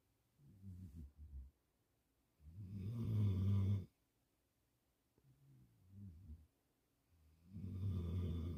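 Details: A sleeping mastiff-mix dog snores with deep rumbling: louder rattling snores alternate with softer fluttering breaths, about 13 breaths a minute.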